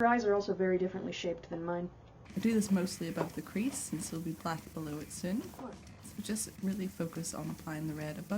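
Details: Adult woman speaking; ordinary speech.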